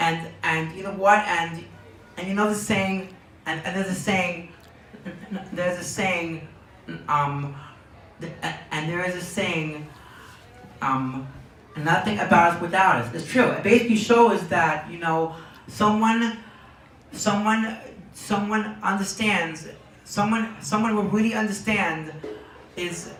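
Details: Young man diagnosed with Tourette syndrome at age four, speaking in an interview; word and phrase repetitions in Tourette syndrome.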